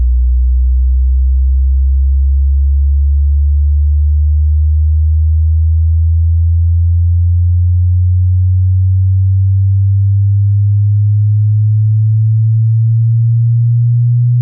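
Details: Hearing test sine sweep from 20 Hz to 20 kHz: steady pure tone rising slowly in pitch from a deep hum.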